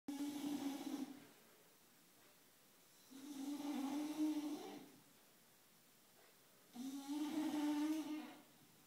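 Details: Snoring during sleep, recorded around 07:00 before waking: long, tonal inspiratory snores at about 20 per minute with quiet pauses between; snoring.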